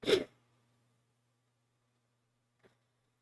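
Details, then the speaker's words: Adult sneeze during a live coding stream with noise suppression on, called a funny sneeze: a single sharp, explosive burst of air, then near silence with faint low room hum and a brief soft click. "programmers sorry that was a funny sneeze"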